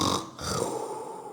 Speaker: do you know what snoring means do you know snoring when you go to sleep and you make this sound